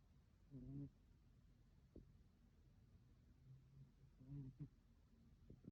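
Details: Sleeping cat snoring: two soft, buzzy snoring breaths a few seconds apart, with quiet room noise in between.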